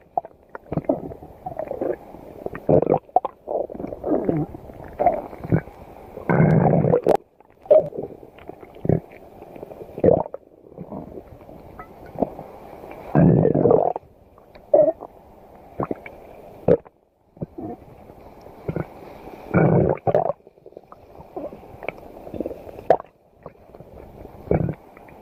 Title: listening to stomach growling